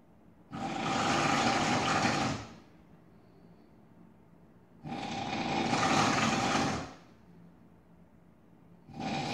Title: Drill, Jackhammer, Chainsaw, or just the sound of snoring?